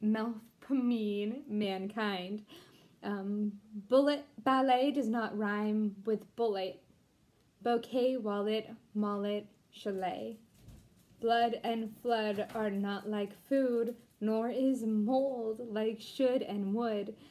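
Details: Deaf woman, once completely mute, who taught herself to talk again and cannot hear herself, reading an English poem aloud; deaf speech.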